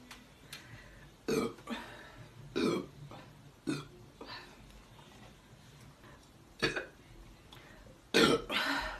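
A run of about six short belches of varying loudness over nine seconds in a quiet room, the last one loudest; repeated burping.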